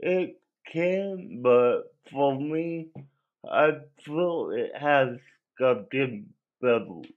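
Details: Dysarthric speech in an adult male with cerebral palsy that affected his voice; he cannot walk and has muscle spasms.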